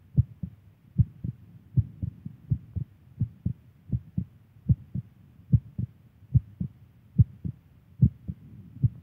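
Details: Steady, regular lub-dub heartbeat of an adult woman at about 75 beats a minute, a normal heart rhythm.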